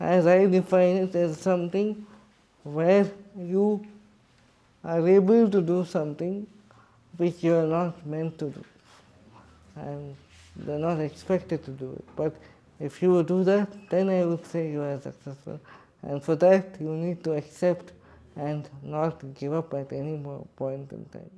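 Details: Adult man with cerebral palsy speaking in his own voice; dysarthria in cerebral palsy.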